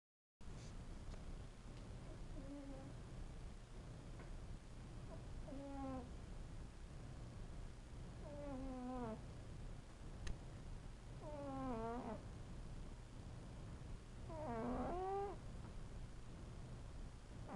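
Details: Sleeping female cat snoring with squeaky, whistling tones on each breath, about 20 breaths a minute: snoring.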